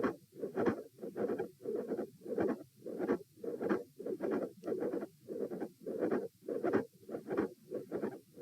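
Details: Heart auscultation stress test repeated for consistency at position A, with the subject lying, then sitting, standing and lying again. Regular heart sounds with a mid-systolic click and an S2 split that stays fixed across positions.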